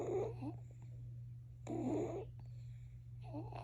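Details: Twin babies asleep, soft fluttering breath noises about every one and a half seconds over steady room hum: light snoring during sleep.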